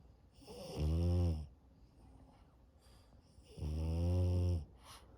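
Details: French Bulldog puppy snoring very loudly on an afternoon nap: loud, deep, buzzing snores lasting about a second, with a soft sniff between breaths.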